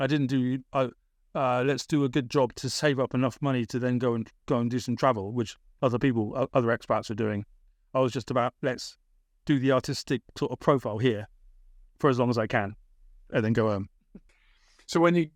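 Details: Adult British man, born 1975, with a persisting stammer that was a big issue around age 28-29, treated with speech therapy in Britain; stammering.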